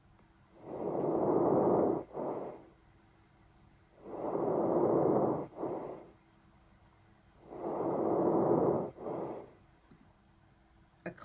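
Three soft, rustling breaths at about 18 a minute, each with a long inhale and a brief, faint exhale: normal vesicular breath sounds.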